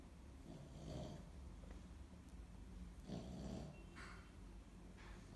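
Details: Dog nicknamed for acting like a pig, snoring while asleep: soft, low rumbling snorts over steady background noise.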